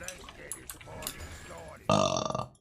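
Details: A livestreamer burping amid background talk and noise: one loud, rough, drawn-out burp lasting about half a second.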